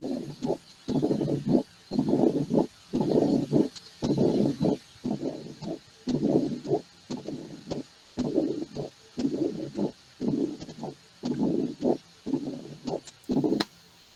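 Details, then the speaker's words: Low rumbling diastolic murmur recurring about 58 times a minute, played as an example in an internal-medicine valvular disease lecture; mitral stenosis murmur. "muy bien ya se cansado de escuchar el soplo ahora seguimos con la clase entonces decía que es el soplo diastólico que se escucha como si ustedes visto como si ustedes están en la playa"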